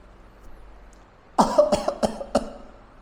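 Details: Short run of four quick cough bursts in a quiet room; an imitated cough demonstrated by a pulmonologist in a public education video on what cough is and how to cough properly and responsibly.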